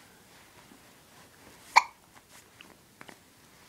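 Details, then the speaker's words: A girl with hiccups, told to drink, makes a single sharp, abrupt hiccup catch followed by faint small sounds in a quiet room. "You have hiccups? Drink."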